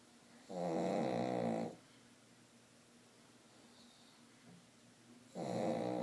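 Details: Sleeping dogs snoring: two long, rattling snores on breathing in, about four seconds apart, with quiet breathing between.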